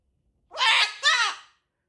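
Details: Pet parrot imitating a sneeze on request: a two-part squawking "achoo", a mimicked rather than real sneeze.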